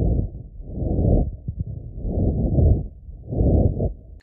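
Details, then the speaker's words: Littmann Core digital stethoscope on a real person's chest through clothing: breath sounds with scratchy crackling as fabric rubs while the chest rises and falls, which can mimic pneumonia; clothing rustle artifact. "so as you can see as the chest is moving up and down the clothes are also moving up and down and it really adds a lot of added sounds to your stethoscope hearing"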